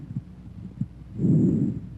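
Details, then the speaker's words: Normal bronchovesicular breath sounds by stethoscope: soft rushing breaths of intermediate pitch and intensity, inspiration and expiration about equal, over faint heart thumps; heard in first and second interspaces anteriorly and between scapulae. "bronco vesicular sounds have an intermediate pitch and intensity inspiratory and expiratory sounds are about equal in duration and a silent gap may or may not separate them"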